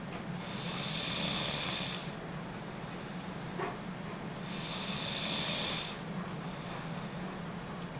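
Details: Person snoring during sleep: steady rhythmic hissing, fluttering snore on each breath about every four seconds, roughly 15 breaths a minute.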